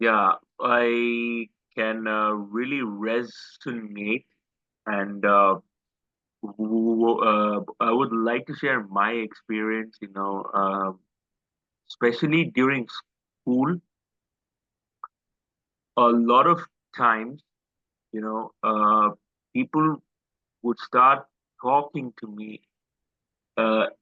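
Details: Adult male host who has stammered since school, stammer described as once quite severe, audible in his speech; stuttering (stammering).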